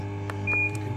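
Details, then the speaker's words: A short electronic beep over a steady low hum as a control button is pressed on an Inogen One G5 portable oxygen concentrator to adjust the oxygen setting. "let me just go over some of the controls on here you can increase the oxygen with the plus button"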